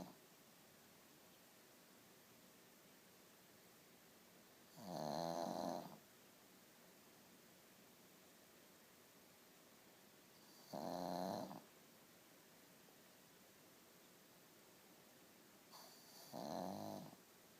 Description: Butters The Pug Snoring